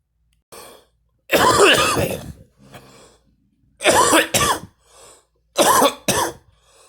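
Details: A woman coughing while smoking: one long harsh coughing burst, then two pairs of short forceful coughs with soft breaths between.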